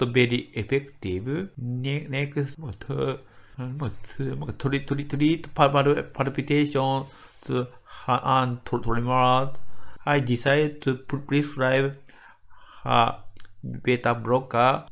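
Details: Adult medical doctor from Japan with developmental (childhood-onset fluency disorder) stuttering, speaking English; word repetitions audible; stuttering.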